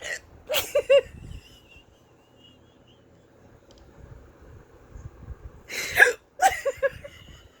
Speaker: I don't even understand what just happened but that's so exciting and I've had it like oh hey you know okay I usually only have the hiccups exciting